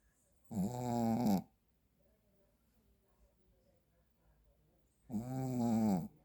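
Two long, buzzing, vibrating snores about four and a half seconds apart in a quiet room; ordinary snoring in a sleeping dog.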